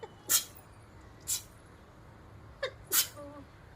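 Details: Woman wearing a saree, outdoors, with a cold and a hoarse-feeling throat: four sharp, hissy sneezes over a few seconds amid steady background noise, repeated sneezing before nose blowing.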